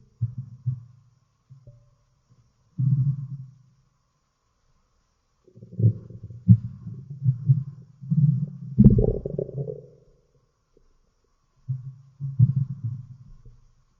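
Loud low rumbling and bubbling gurgles in several bursts separated by silence; ordinary stomach growling.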